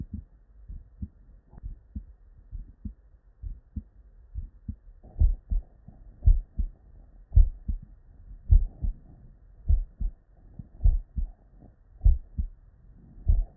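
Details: Real, unedited human heart sound recorded at the bedside: clear, regular lub-dub heartbeats at about 55 a minute with no extra sounds between them; normal first and second heart sounds.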